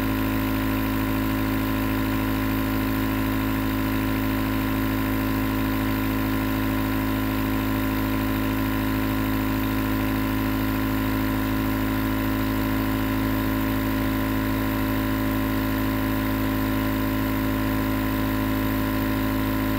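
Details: Nebulizer compressor running as white noise for sleep: continuous, even motor hum and buzz without change; nebulizer running.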